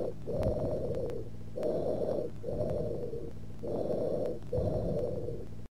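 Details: Teaching-cassette recording of breath sounds: harsh, hollow, tubular breathing with loud expiration and short gaps between phases, typical of lobar consolidation: bronchial (tubular) breath sounds.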